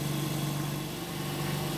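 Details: Canta Intelligent V oxygen concentrator, 8 L/minute model for veterinary use, running: constant low droning hum with a steady engine-like tone.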